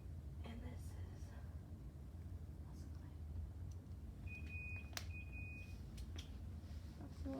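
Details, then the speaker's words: Short high electronic beeps over room noise and soft handling sounds: an infusion pump alarming because the line is clamped, during a nursing student's simulated IV administration test while checking medications. "so I'm gonna double check my mom because I don't want to mess up oh it's beeping at me because this is clamped"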